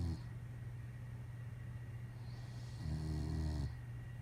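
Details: Snoring: a low, fluttering snore on an in-breath against a steady background hum.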